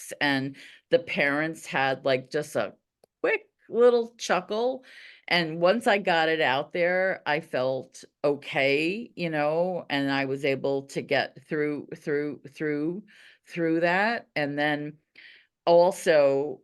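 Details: Stuttering in a female teacher who stutters.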